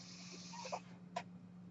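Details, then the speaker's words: A podcaster's home mechanical ventilator during a speech pause: a soft, steady machine hum with brief puffing and clicking sounds; mechanical ventilator sound. "That noise you hear is my ventilator."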